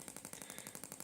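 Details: Shockmaster 300 Gymna extracorporeal shockwave at 1.6 bar, 12 Hz, 20 mm head, on plenty of gel, starting treatment of grade 2 cellulite: fast, even rapping pulses, about twelve a second, like a small jackhammer.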